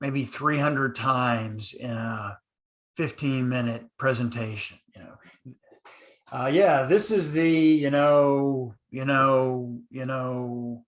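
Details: Adult male podcast speaker who stutters, who says he used silent blocks when younger; stuttering.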